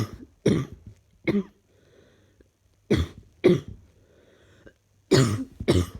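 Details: Person feeling unwell with a persistent cough: several harsh coughs in short bursts, with quiet breaths between them, in a small room.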